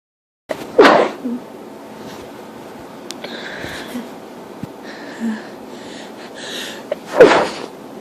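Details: Grass pollen allergy sneezing: two loud, explosive sneezes about six seconds apart, with faint room noise between them.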